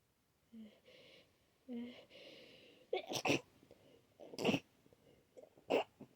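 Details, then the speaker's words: Person with a head cold, runny itchy nose, sneezing all day: sniffles and voiced hitching build-ups, then three sharp wet sneezes. "I've been sneezing all day, and I don't know how many times I've sneezed now, but I don't think I'm done."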